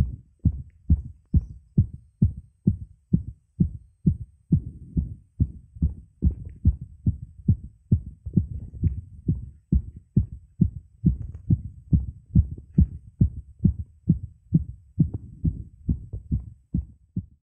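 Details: Adult male's rapid, regular heartbeat at about 136 bpm while pushing/straining with back arched; already fast before the push because of an earlier attempt: fast heartbeat during straining.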